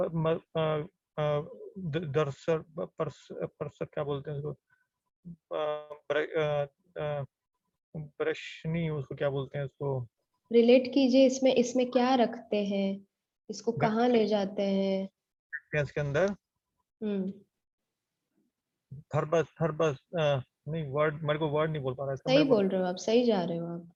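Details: Adult man in an online aphasia conversation-practice class with a speech-language pathologist, doing a timed picture description; therapist notes he rushes to finish and has difficulty recalling words; aphasia.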